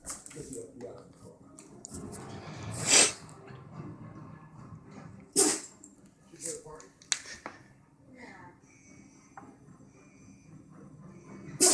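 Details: Sneezing fit: several sharp, hissing sneezes in a row, a few seconds apart, with quiet breathing and faint talk between.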